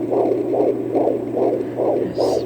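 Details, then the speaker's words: Fetal heartbeat on a home Doppler in a male fetus after previous pregnancy losses: rapid rhythmic whooshing pulses, first reading about 170, then about 130 to 145 a minute, within the normal fetal range. "gave like 170 there at first and then dropped back to 130 140 141"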